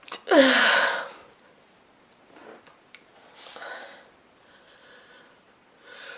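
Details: A woman's sneeze: one sharp, forceful sneeze after an audible in-breath, then softer sniffs and breathing; sneezing.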